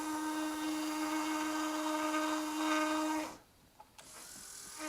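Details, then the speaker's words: OCO Biomedical implant system countersink (platform positioner) drilling after a tissue punch, placing a TSI implant in the lower first bicuspid area and drilling until the blades are below the soft tissue: a steady high drill whine for about three seconds, then stopping. "now we're ready to use the platform positioner which is aligned right down the line after in the in the kit or the the countersink and we're going to go down with that until the blades are well below the soft tissue"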